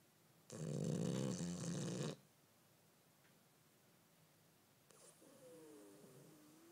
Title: Snoring while half awake